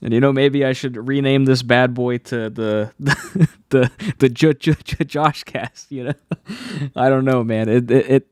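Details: Adult man who has stuttered since childhood, saw a specialist which helped for a while, and says anxiety worsens it; stutters are left unedited here.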